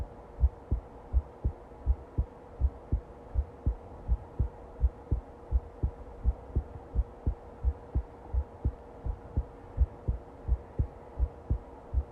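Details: Long recording of a steady, regular, low thumping heartbeat at about 83 beats a minute, with a faint background hum.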